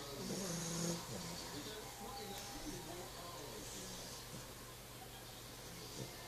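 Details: Sleeping female puppy snoring: soft, rhythmic rattling breaths against steady room noise.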